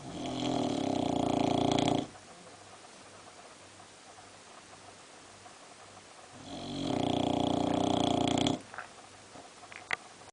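Two loud, buzzing snores on breathing in with quiet pauses between; a flat-faced dog snoring in sleep.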